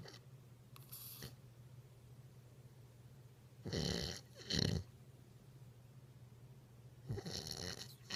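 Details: Snoring during sleep, recorded July 2016: soft rasping snores a few seconds apart over a steady low room hum.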